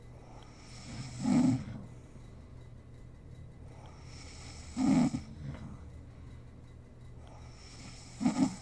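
Three low rattling snores on inhalation, about 17 a minute, with quiet breathing between; ordinary snoring during sleep.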